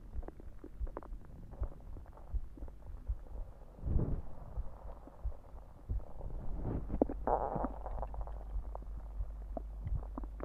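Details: Low gurgling rumbles and bubbly pops from the belly, with some heartbeats also present; ordinary stomach growling (borborygmi) after drinking soda.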